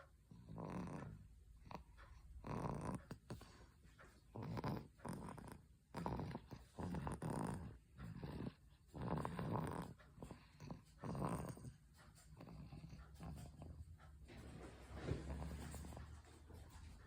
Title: Baby is sleeping and snoring.